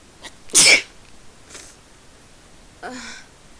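A sharp, explosive sneeze, then a softer breath out and a short voiced sound after it.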